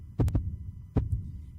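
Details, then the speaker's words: Human heart sound played in a sermon and likened to drums: two beats, each a close lub-dub pair of low thumps, regular at about 75 per minute; normal heart sounds. "Esse é o som do coração humano. Lembra o quê? Tambores. Você reparou? É o pulsar."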